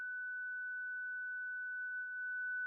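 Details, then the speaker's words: Zoll Zenix defibrillator/monitor during the daily 30-joule self-test with the multifunction cable on the test port: charges and sounds a steady continuous high tone with the shock button lit, ready to shock; normal check result. "Verify that Zenix charges, a constant tone sounds, and the shock button illuminates."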